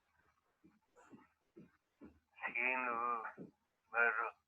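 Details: Patient with post-mortem diagnosis of corticobasal degeneration; finding: apraxia of speech.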